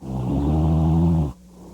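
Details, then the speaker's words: Single loud, low, rattling snore on inspiration, presented in a news report on obstructive sleep apnea and CPAP treatment as the kind of snoring that can signal obstructive sleep apnea. "Researchers are hoping as studies continue to link obstructive sleep apnea to illness and mortality, more people will realize that when someone sounds like this,"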